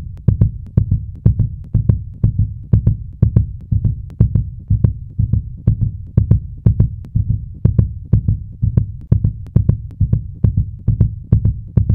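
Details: Sound effect: rapid, regular low thumping heartbeat at about 120 beats a minute; fast heartbeat.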